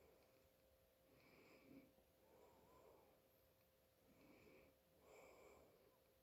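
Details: Adult father snoring with nasal congestion: quiet, nasal, whistling snores about 22 a minute over a faint room hum; snoring.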